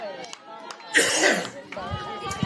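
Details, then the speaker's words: Adult male sports commentator choking on his own words during a live softball broadcast, a sudden harsh, noisy coughing fit breaking into his speech. ">> Don't know what happened there, ladies and gentlemen. My apologies. >> I literally just choked on my own words."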